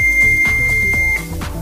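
A steady high electronic tone sounds for about a second over background music as the defibrillator switches on.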